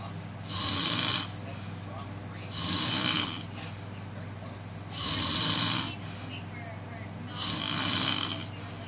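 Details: A frog making a snore-like call: four rhythmic rasping bursts, about 25 a minute, over a steady low hum.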